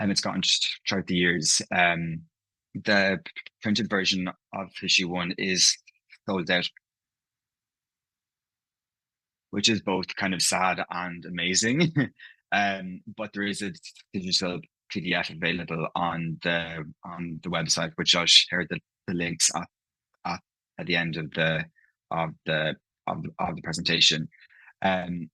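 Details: Adult man who stammers, speaking at a stuttering event; stuttering (stammering) with audible word repetitions, such as a single word repeated four times.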